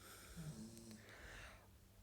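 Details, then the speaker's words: Faint background snoring from a sleepy dog in a quiet room: low rumbling breath followed by a soft airy exhale. "sorry if you can hear snoring in the background there is a sleepy dog"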